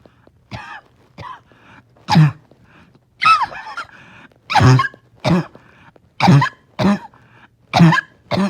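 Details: Dog with a morning barking, wheezing cough, having a hard time resting: about nine harsh, honking coughs and throat-clearing sounds, some with a wheezy edge, in a quiet room.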